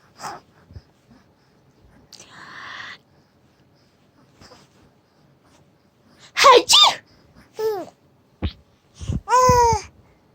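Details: Mother sneezing with a young child present: several sharp sneezes, some preceded by a drawn-in breath, with the child's voice and quiet room sounds.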